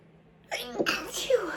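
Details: A quick, partly stifled sneeze with a short voiced intake and a brief burst of air, induced by chhinkni (sneezing powder).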